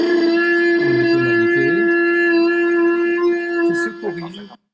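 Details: Laryngeal paralysis with bitonality that is defective at phonation onset and then corrects as the person compensates: diplophonia (bitonal voice).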